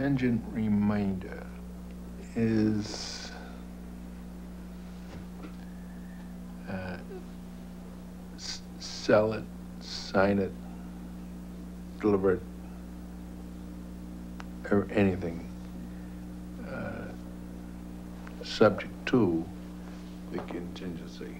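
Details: Adult man, a former lawyer, with Broca's aphasia after a stroke at age 45 caused by a blood clot, affecting both language comprehension and expression.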